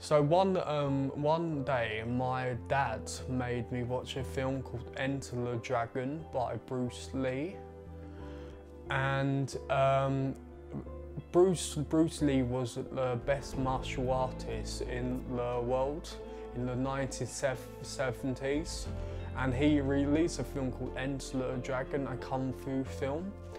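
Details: 20-year-old man with a stammer since about age eight, stumbling on the first syllable or letter of words and on his own name; stuttering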